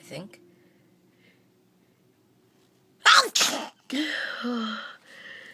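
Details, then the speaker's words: A sharp double sneeze burst from someone with a runny, tickling nose during nose-blowing, then a short voiced sigh after a quiet pause with faint room noise; sneezing. "Oh, my nose tickles again."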